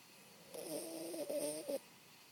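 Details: Dog snoring while asleep: a single soft, fluttering, whistly snore in a quiet room.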